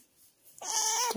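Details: Hoarse meow from a tabby cat whose voice is lost from excessive meowing (feline dysphonia).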